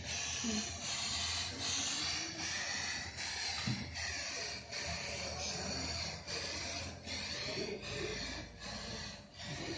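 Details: Hamilton mechanical ventilator running after self-test and start of ventilation, in a surgery lecture for undergraduates: steady airy hiss broken by brief regular dips, with faint music behind.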